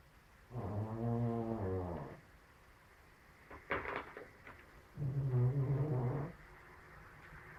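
Two loud, rumbling, tonal snores on inhalation, each lasting over a second, with a soft exhale between; loud snoring in a sleeping cat.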